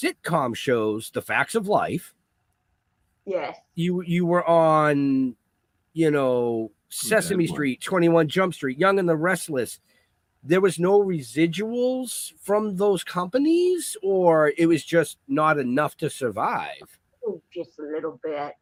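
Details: Adult speakers in interview conversation; conversational speech.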